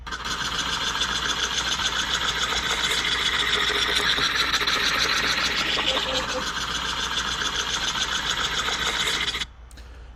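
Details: Brachycephalic dog with abnormal open-mouth panting from nasal obstruction in brachycephalic airway syndrome (BOAS); the source describes BOAS grading examples recorded with a digital stethoscope after exercise.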